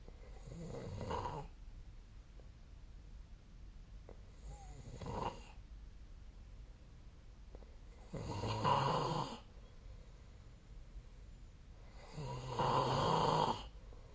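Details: Snoring during sleep recorded on 2025/02/18: rough, rattling snores every three to four seconds, about 17 breaths a minute, in a quiet room.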